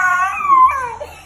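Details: Karen baby: a short, loud infant cry with a rising then falling wail amid funny talking; ordinary baby cry.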